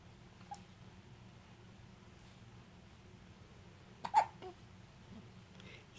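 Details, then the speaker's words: Infant boy lying on a playmat with big hiccups, a frequent recurrence: a sharp hiccup in a quiet room, with a few fainter catches before and after. "those are big hiccups yeah those are big hiccups"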